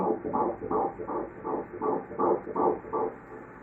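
Rapid, regular whooshing pulses at about 165 beats a minute; a fetal heartbeat on ultrasound Doppler.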